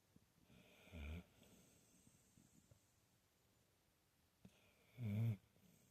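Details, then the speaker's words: Female Bully-Mastiff asleep with eyes peeking partly open, snoring: two deep, low rumbling snores about four seconds apart in a quiet room. "Snoring away. Even though she's peeking through her eyes there."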